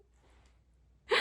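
A quiet room, then a single sudden loud burst of air at the very end: an adult sneeze.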